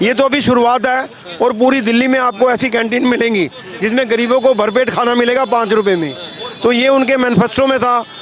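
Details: Adult man; normal voice.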